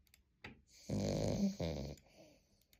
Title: キャバリア〜腕の中でいびき〜／Cavalier King Charles Spaniel〜Big snore〜